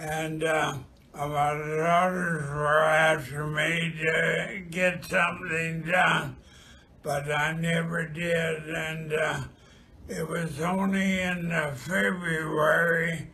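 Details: Spastic dysarthria due to ALS (amyotrophic lateral sclerosis), the second of two patients with the condition.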